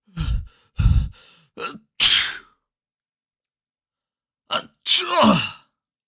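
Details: Quick in-breaths leading into sharp, explosive sneezes, a second burst after a pause, from a sneeze sound collection of different people and styles; ordinary sneezing.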